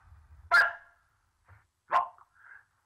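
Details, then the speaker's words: Adult man with severe Tourette syndrome, tics since about age 10, speaking at a press conference: two abrupt, loud, bark-like involuntary vocal tics about 1.4 seconds apart. "growing up with tourette's syndrome was really difficult um i first started um with these ticks when i was around 10 years old and i immediately knew that i was different"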